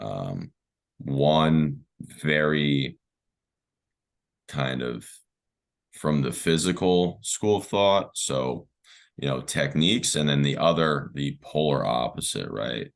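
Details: Adult man who has stuttered since childhood, with speech therapy in early years through teenage and early adult life; stuttering.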